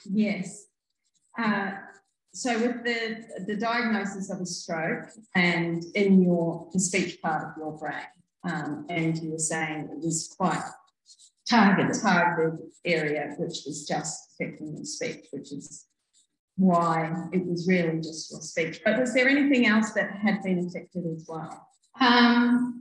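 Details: Adult woman speaking; typical speech.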